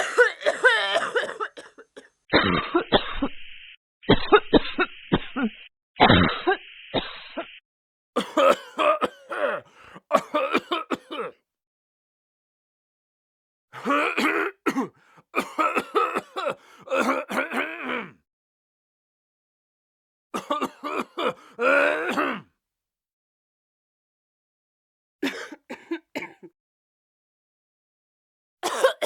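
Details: Repeated bursts of adult coughing with throat clearing, in clusters separated by short pauses, with laughter nearby.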